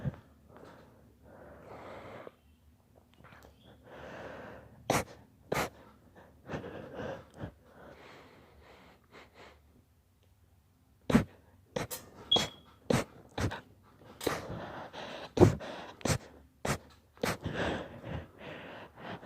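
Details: Long, deliberately induced sneezing fit: breathy build-up inhalations, then a run of sharp, explosive sneezes in quick succession.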